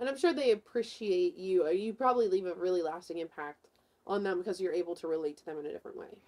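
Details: Adult woman interviewer; Normal speech.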